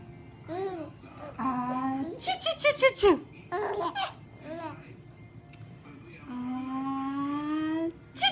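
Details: A sharp adult sneeze is followed by squealing giggles and cooing from a baby about 5 months old who laughs at sneezes, with music in the background.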